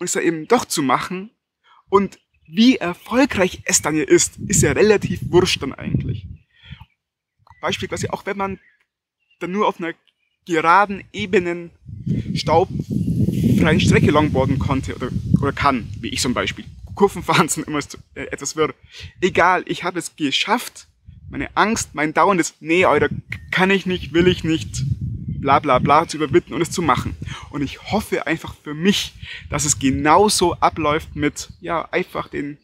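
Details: Adult man who stutters, speaking German outdoors in the woods with wind noise; stuttering.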